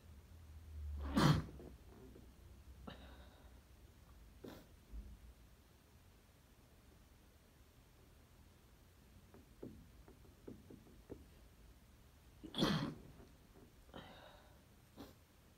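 Two muffled, held-back sneeze bursts with quiet breaths and small sounds between them in a quiet room.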